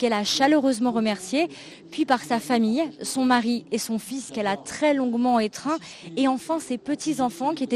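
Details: Adult woman, news reporter; Normal speech.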